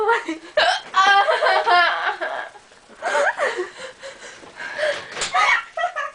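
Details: Repeated hiccups, described as horrible: several abrupt, voiced hiccup catches over a few seconds that break into laughter and talk.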